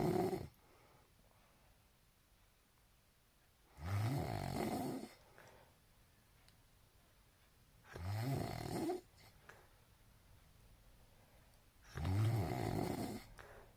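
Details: Loud, rattling snores from a sleeping partner about every four seconds, around 15 a minute, with quiet gaps in a still room; snoring.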